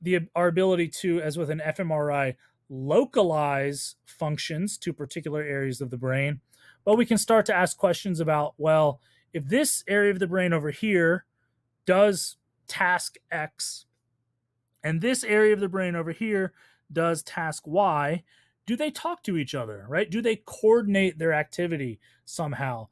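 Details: Adult speaker; normal speech.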